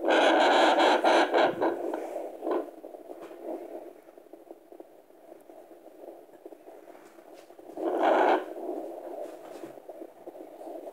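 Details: Fetal heartbeat at 26 weeks 5 days: faint, fast rhythmic pulsing at about 130–140 a minute under loud scraping probe noise.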